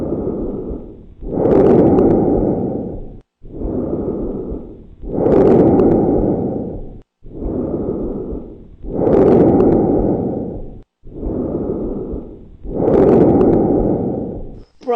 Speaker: the sound is normal when heard at the distance from the large Airways so normally you hear this over the large Airways this sound is abnormal if you hear it in the lower part of the lungs so let's listen to normal bronchial lung sounds